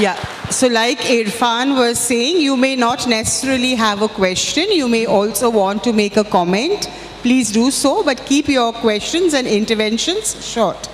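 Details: Adult woman speaking into a microphone; ordinary speech.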